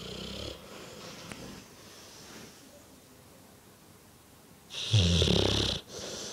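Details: Two large English Bullmastiffs asleep on a sofa snoring: a loud, rattling snore on the in-breath, with quieter snoring just before, in a quiet room.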